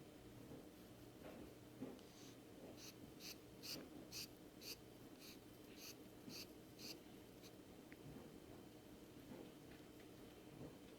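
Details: Rainbow lorikeet sitting in owner's palm: rapid series of soft, high, rhythmic squeaky breath sounds against low room hum, a purring or snoring-like noise.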